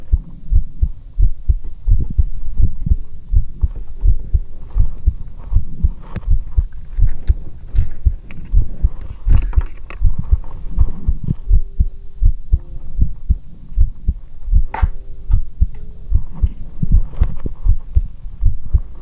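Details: Heartbeat heard through a stethoscope in an ASMR recording: steady paired lub-dub beats at about 80 per minute with faint handling noise.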